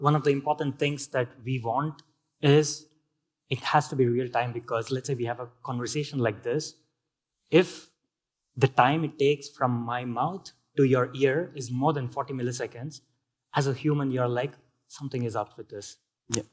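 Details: Adult male speaker; healthy speech.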